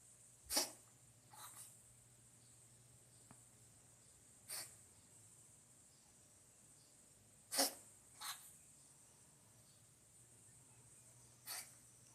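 Six short explosive sneezes spaced a few seconds apart in a quiet room: repeated sneezing in a cat.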